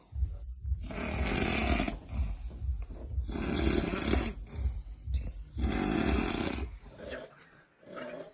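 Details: Compilation snoring clip ranked for entertainment: loud, harsh rattling snores about every two seconds, each drawn-out and vibrating, with short pauses between; heavy snoring.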